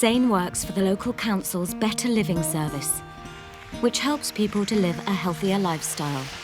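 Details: Adult speaker (narration); Fluent speech.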